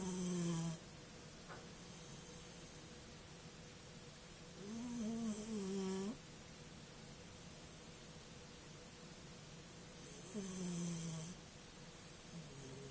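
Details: Slow, rattling snores about every five seconds, roughly 11 a minute, from a sleeping puppy over steady room hum; snoring.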